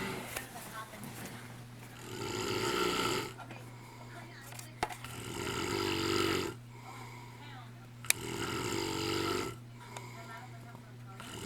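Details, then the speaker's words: Man sleeping who has snored continuously for an hour, worsening: loud, rough, rattling snores about every three to four seconds, with quieter gaps between; heavy snoring. "It's been an hour since he got home and he hasn't stopped snoring. And it just keeps getting worse. I'm trying to go to sleep, but fucking listen to this creature."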